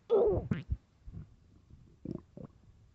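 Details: A loud gurgling growl followed by a few softer bubbling gurgles, recorded late at night; normal stomach growling (borborygmi).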